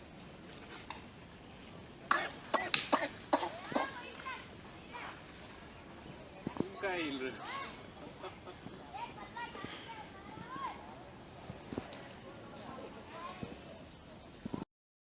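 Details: A monkey coughing: a run of about five short, harsh coughs, followed by softer calls and chatter.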